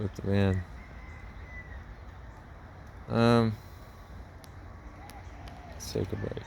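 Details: Man with a self-described speech impediment of unnamed type; speech impediment.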